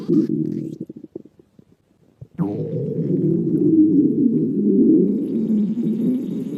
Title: お腹が鳴る女の子 A girl's stomach growling